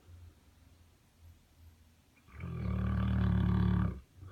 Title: Snoring Saint Bernard in Clawfoot tub